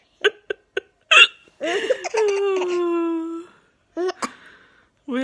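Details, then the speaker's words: Mother and baby both have hiccups at the same time: several short, sharp hiccups mixed with laughing and drawn-out playful vocal sounds. "We've both got the hiccups at the same time."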